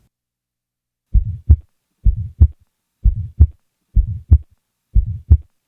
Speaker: now listen to a normal individual with an innocent systolic ejection murmur